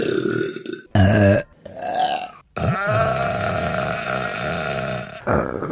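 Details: A short belch, then a long, drawn-out rumbling belch, with another starting at the end: burping.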